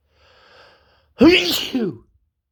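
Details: Sneeze during an intense cold: a faint indrawn breath, then a single loud explosive sneeze with a voiced tail.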